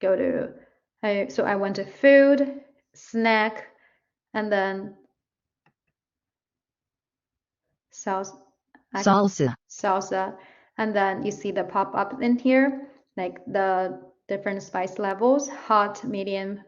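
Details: Adult woman speaking; normal speech.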